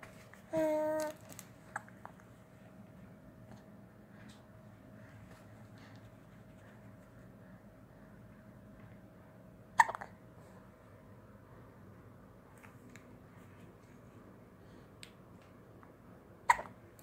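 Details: Infant hiccups: sharp, isolated hiccup sounds, about three in 17 seconds, in a quiet room, with a brief vocal squeak at the start.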